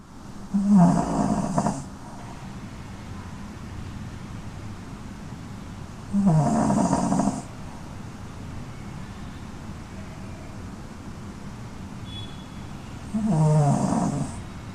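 Three slow, low, rattling snores about six seconds apart with quiet pauses between breaths; ordinary snoring in a sleeping dog.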